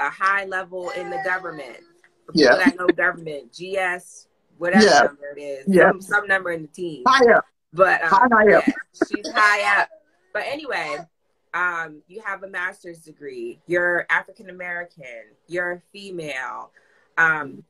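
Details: Adults in conversation; conversational speech.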